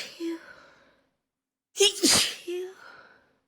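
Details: Single sneeze after taking chhinkni sneezing powder: a short voiced intake, a pause, then one forceful sneeze burst with a brief voiced tail.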